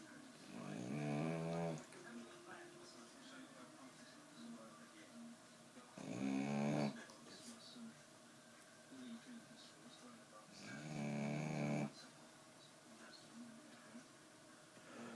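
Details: A sleeping female Staffordshire bull terrier snoring heavily: loud, rattling snores in three long bursts about every five seconds, with quieter breathing between.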